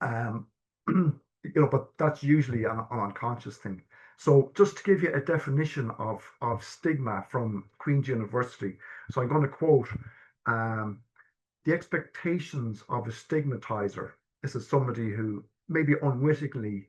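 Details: Stammering (stuttering) in an adult man who has stammered since childhood. Early repetitions turned into severe blocks at age 12, with secondary behaviours such as 'um', restarting, avoiding eye contact, coughing and filler words. Stammer-affirming therapy is discussed.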